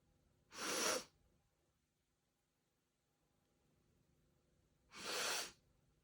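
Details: Sneezing by a young woman with pigtails, filmed in slow motion: two sharp, hissing sneeze bursts a few seconds apart with quiet between them.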